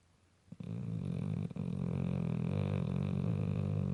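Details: Sleeping pit bull dog with steady, low, rumbling vibration during breathing, continuous and loud; natural sound, not enhanced; heavy snoring.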